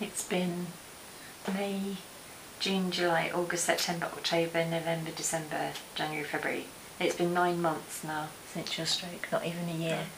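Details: Adult woman speaking; normal speech.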